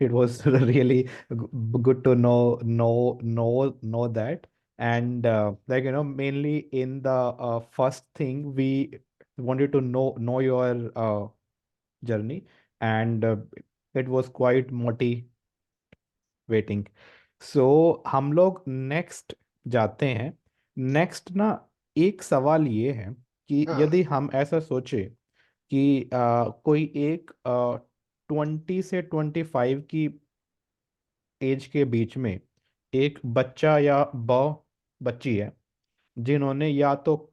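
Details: 24-year-old man with a self-described medium-level stammer (real, not acted), speaking Hindi with part-word repetitions; stuttering.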